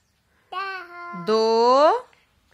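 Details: Young child with a cochlear implant in a Hindi/Urdu speech therapy practice session, counting and repeating words after the mother; speech of a child with a cochlear implant.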